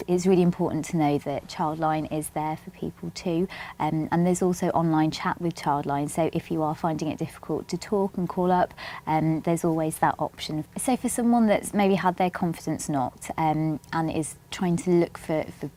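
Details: Young adult female speaker; fluent speech.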